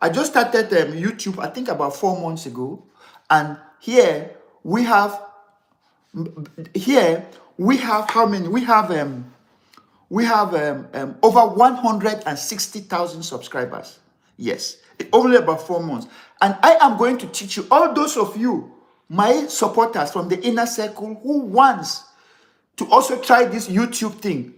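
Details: Adult man who has stammered severely since childhood, over more than sixty years, and still has difficulty pulling out words; later diagnosed with ADD, which he blames for word substitutions; unedited live recording; stammering.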